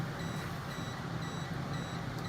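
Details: Regular high-pitched beeps about twice a second over low room hum: a 980/1470 nm diode laser with radial fiber firing during endovenous laser ablation of a woman's insufficient right short saphenous vein, delivering 50–100 J/cm.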